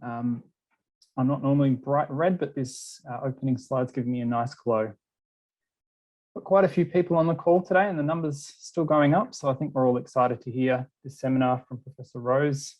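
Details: Adult male speaker; typical speech.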